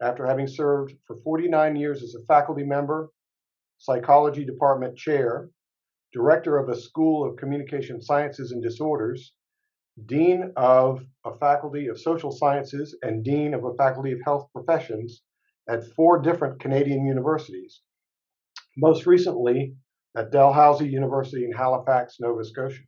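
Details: Adult male speaker; normal speech.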